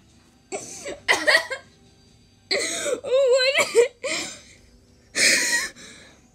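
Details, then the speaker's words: Bursts of breathy, squeaky laughter broken by short coughs, then a final cough-like burst; coughing brought on by hard laughing at a TikTok. "but that's so funny when the mom did it i'm literal coughing so hard"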